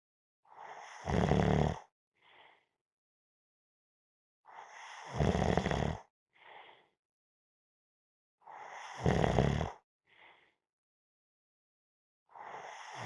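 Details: Snoring during a nap: loud, rough snores about every four seconds, roughly 15 breaths a minute, each followed by a short quiet out-breath.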